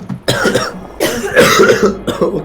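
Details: Adult man coughing all evening, says coughing feels so bad his eyes bulge out: three harsh, forceful coughs in quick succession, middle one longest, rough throaty quality; repeated cough.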